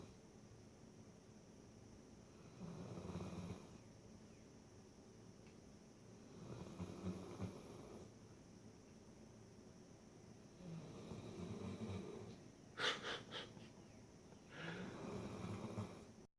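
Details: Sleeping dog snoring like a person, with slow, regular, low rumbling snores, roughly four breaths in sixteen seconds, with quiet pauses between.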